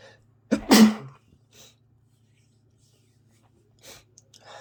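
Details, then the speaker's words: Adult with congested head cold during a sneezing fit: sharp inward breath then one loud explosive sneeze, followed by quiet sniffing; sneezing. "Oh. Oh, God. I'm gonna sneeze again. Here it comes. I'm gonna sneeze. There it is. Excuse me."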